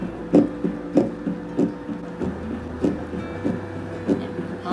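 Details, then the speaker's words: First ultrasound at 9 weeks 1 day of a first pregnancy: rapid, regular whooshing pulses over steady machine hum, parent unsure whose it is, confirmed as the baby's; fetal heartbeat by Doppler ultrasound. "That's their heartbeat or that's mine?? No that's the baby's!"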